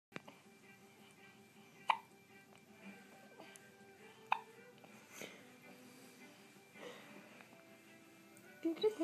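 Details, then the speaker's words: A 1-day-old newborn's two sharp, abrupt gulping hiccups a few seconds apart in a quiet room with faint music; newborn hiccups. "What do we do about your hiccups?"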